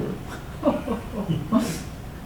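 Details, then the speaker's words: Sleeping brachycephalic (flat-faced) dog with brachycephalic airway syndrome: rough snorting breaths from a narrowed upper airway, i.e. snoring/stertor during sleep. "That's how she sleeps. That's how she sounds when she's sleeping."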